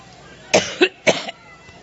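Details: Adult woman coughing during a Labor Day speech, which she blamed on an allergic reaction: two harsh coughs in quick succession, each a short double burst.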